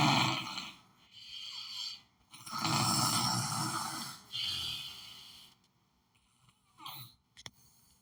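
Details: Snoring over background cartoon dialogue: loud, rough snoring breaths, rising and fading, with faint room hiss and a brief click near the end.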